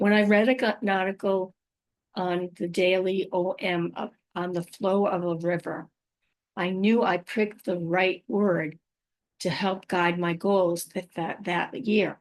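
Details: Adult woman with aphasia, apraxia of speech and dysarthria after a stroke, about five years into recovery; she says her speech can sometimes be hard to understand; finding: aphasia with apraxia of speech.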